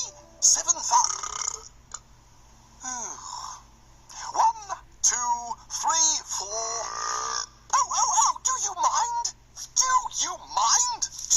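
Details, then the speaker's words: Cartoon burping sound effects from an animated show: drawn-out, rumbling belches between bursts of voiced sounds; burping. "Sorry, Archie. These mince pies give me terrible wind."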